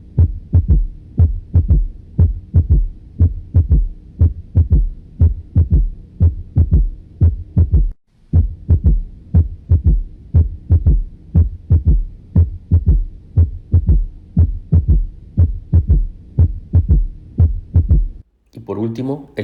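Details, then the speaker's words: Third heart sound (S3 gallop): a soft, low-frequency extra thud immediately after the second heart sound, regular rhythm about 59 per minute, best heard with the stethoscope bell at the mitral area. "a continuación escuchamos el tercer ruido cardíaco que está inmediatamente del segundo ruido hacer un ruido de baja frecuencia se escucha mejor con la campana del estetoscopio el mejor foco para escucharlo es el foco mitral"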